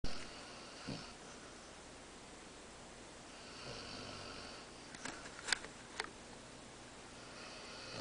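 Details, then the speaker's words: Male sleeping, snoring with soft, slow breaths and a faint whistle in a quiet room, with a few sniffs and clicks between. "He totally snores."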